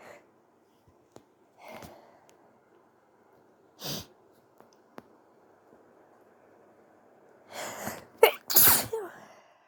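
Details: Person sneezing with several soft, sniffy false starts, a first sneeze of odd sound, then quick soft sneezes and a brief nose blow; a later noise is likely tissue wiping the phone; sneezing.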